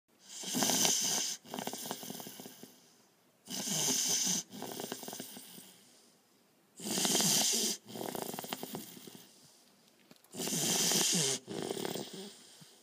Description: Lovey enjoying an afternoon nap under my chair at the office.